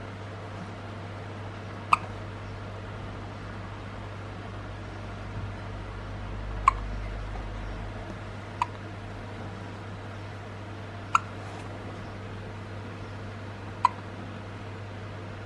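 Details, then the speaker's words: Newborn baby boy with recurrent hiccups that persist despite attempts to soothe him: five soft, sharp hiccups spaced a few seconds apart over steady room hum; infant hiccups. "He keeps having hiccups."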